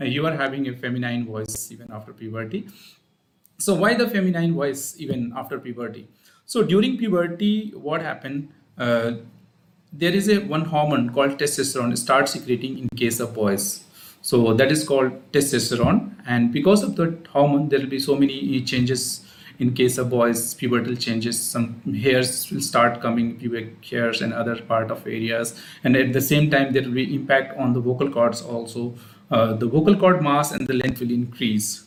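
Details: Adult male speaker; Unaffected speaker.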